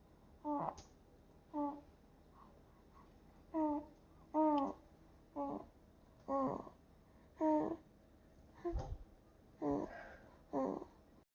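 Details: Soft intermittent grunts, squeaks and vocal sighs, about twenty, from a sleeping newborn in a quiet room: normal newborn sleep sounds.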